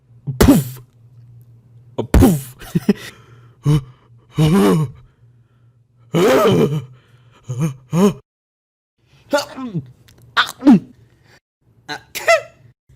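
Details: Different types of sneezes: several separate explosive sneeze-like bursts in varying styles, with pauses between, over a steady low hum.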